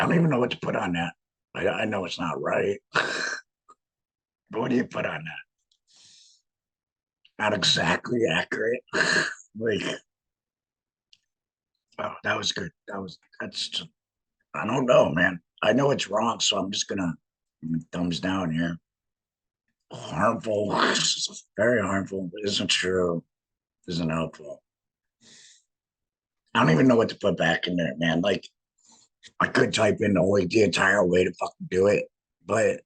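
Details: Man with a laryngectomy who speaks with a voice prosthesis in a tracheoesophageal puncture, sending trapped air up through the prosthesis to vibrate muscle; tracheoesophageal speech after laryngectomy.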